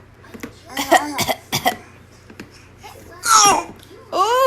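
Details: Infant who has mimicked coughing since about 4 months old makes several short, voiced cough-like bursts, then squealing vocal sounds: a playful, voluntary imitated cough.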